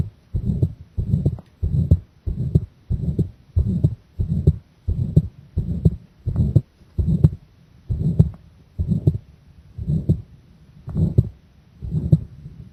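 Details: Heart sounds during a breath-hold with straining (pressure): steady, dull heart thumps that space out somewhat later as the breath is held.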